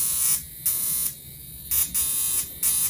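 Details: Sharp electric buzzing cutting in and out in short bursts as a NuDerma high-frequency skin wand touches and leaves the skin during an at-home facial on a mother; she reports no pain.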